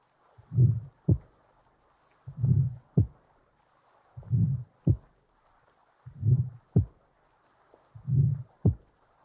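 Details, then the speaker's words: Real heart sounds from a patient lying turned onto the left side, heard with the stethoscope bell: a low rumbling murmur leading into a sharp, loud first heart sound, the mitral stenosis murmur. "use the bell rather than the diaphragm and the Bell allows lower pitched sounds to be heard better"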